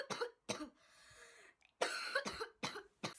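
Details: A 12-year-old girl who is ill, coughing for about two weeks, coughs in two runs of short, loose-sounding bursts with a noisy breath drawn between them.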